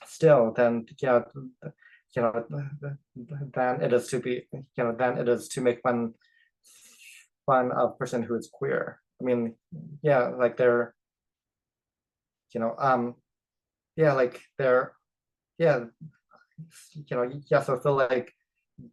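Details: Adult man who identifies as a person who stutters and is open about his stutter at work; stuttering.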